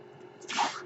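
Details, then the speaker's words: Podcaster's own ventilator during speech recording: faint low hum followed by a short hissing rush of air as a breath is delivered; mechanical ventilator noise. "Hello everyone, my name is . That noise you're hearing is my ventilator, and thank you for tuning in to Page Turners They Were Not, my Star Wars podcast."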